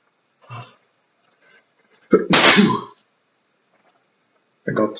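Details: Man whose two chinchillas' dust baths make him sneeze: a soft intake breath, then one loud, forceful, explosive sneeze, with another starting at the end; the first of a sneezing fit.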